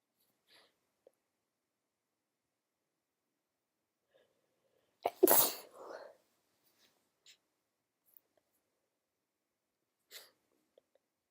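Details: Sleepy female with a cold gives a single forceful sneeze with a sharp inhaled catch before it, then quiet breathing sounds; sneezing.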